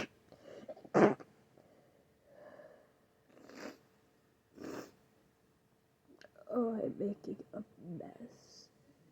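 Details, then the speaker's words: Repeated sneezing with sniffs and breathy noises between, then brief talking, from a person who is sick with a very itchy, snotty, runny nose and whose ears need to pop; sneeze. "My nose is so itchy. So itchy right now. I'm gonna sneeze again. Damn it."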